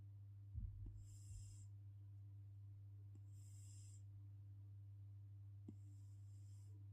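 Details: Snoring from a sleeping cat: soft, airy whistling snores about every two and a half seconds over a steady low hum.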